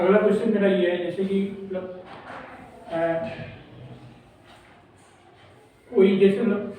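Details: Male speaker who says he stutters when speaking in front of people; stuttering.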